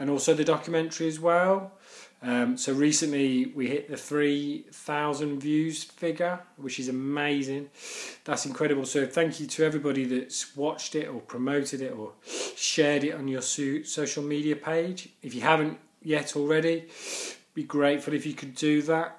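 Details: Man who stammers; stuttering.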